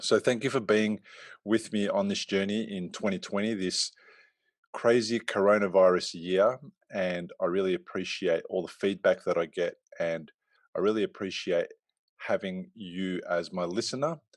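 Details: Adult male speaker; Normal fluent speech.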